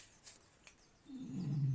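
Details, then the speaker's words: Rescue bulldog snoring while sunbathing: a low, rough rumbling breath building from quiet during sleep, heard in the background. "Now, I apologise if you can hear Meg, my rescue bulldog, snoring in the background. It's quite sunny here and she loves a good sunbathe. And unfortunately, she snores like a trooper when she sunbathes."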